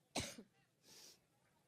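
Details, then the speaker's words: Adult woman coughing during a Cleveland campaign speech on Labor Day 2016, which she attributes to an allergic reaction: one harsh explosive cough, then a breathy exhale against faint room noise. "now once i get over my allergic reaction let me say that we're here in part because we know how important the selection is to ohio"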